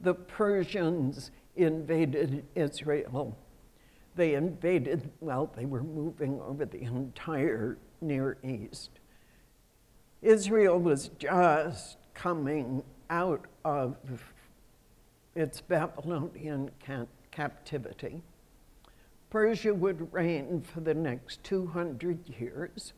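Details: Adult woman who states she has spasmodic dysphonia, a voice condition she says comes and goes. Real speech showing spasmodic dysphonia.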